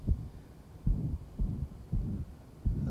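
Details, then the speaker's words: 38-year-old man with ventricular septal defect and pulmonary stenosis, central cyanosis and clubbing: low stethoscope heart sounds with a widely split second heart sound that varies little, suggested almost fixed. "try and listen to the second heart sound listen for its splitting second heart sound is this a bit widely split"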